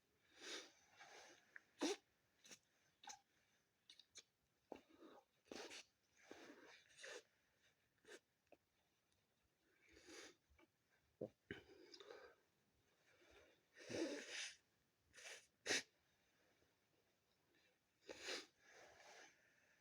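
Repeated short, sharp bursts of sneezes and forceful nasal blows with sniffing between them; sneezing and nose blowing during a head cold.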